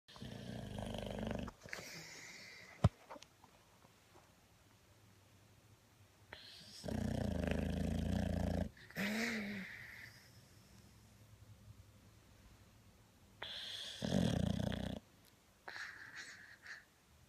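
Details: Sleeping Boxer dog, possibly dreaming: irregular low rumbling snores, a few long bursts separated by quiet breathing; snoring.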